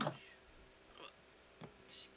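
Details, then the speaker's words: Adult hiccups: short, abrupt gulping catches with a croaky, frog-like quality. "I have the hiccups huh not fun"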